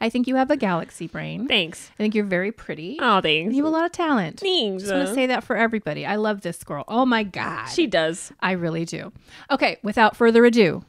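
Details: Adult women in conversation; normal conversational speech.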